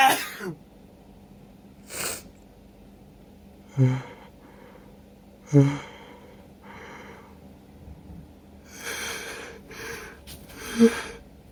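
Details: An adult with a cold, whose irritated nose set off uncontrollable sneezing after a shower, has a sneezing fit of forceful sneezes with sniffs and breaths between them.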